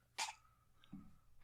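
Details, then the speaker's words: Adult's single short, squeaky, high-pitched mouse-like sneeze, followed by a faint voiced sound; this is how this person always sneezes. "that's how I sneeze. I sound like a mouse all the time."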